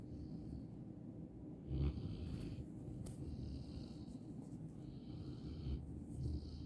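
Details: English Mastiff puppy snoring: low, rumbling breathing noise with soft snorts.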